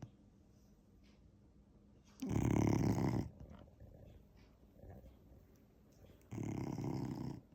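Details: Loud snoring from a dog lying on a couch: two rough, rattling snores about four seconds apart, with quiet breathing between.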